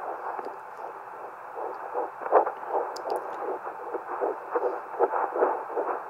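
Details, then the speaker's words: Normal fetal heart tones at 10 weeks 6 days on a home handheld Doppler, mother applying more pressure; fast whooshing galloping pulses about 160 bpm, easily lost, sometimes distorted by maternal heart rate. "so I'm applying a little more pressure that's how I find my baby's heartbe and as you can see it's easily I can easily lose it and there's sometimes Distortion with my own heart heart"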